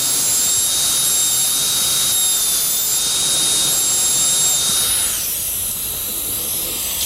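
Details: Loud continuous high-pitched whine with hiss: high-speed dental handpiece with inverted-cone diamond preparing lingual surfaces and finishing line into the gingival crevice on maxillary right cuspid/central incisor for a 3-unit bridge.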